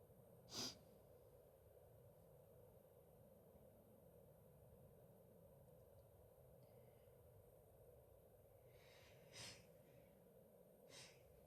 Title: Happy Easter! (Female sneezes)